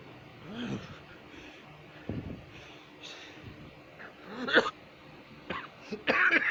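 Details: A woman and a man coughing badly: scattered harsh coughs and throat sounds from more than one adult, some bursts louder than others, with quiet room noise between.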